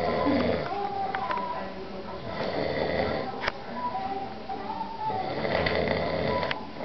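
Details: Man in the Bronx, New York, snoring during sleep; steady, rough, rumbling breaths rising and falling every few seconds, with television or talk in the background.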